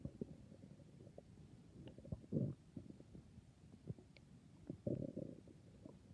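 Soft gurgles and two longer low rumbling growls over quiet background; ordinary stomach growling (borborygmi).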